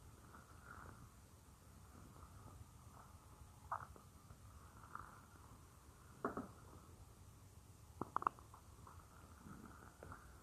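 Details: Real stomach growling of a female creator, recorded as roleplay audio of lying on her stomach: quiet, scattered gurgles and soft squeaky pops over faint room hiss, ordinary borborygmi.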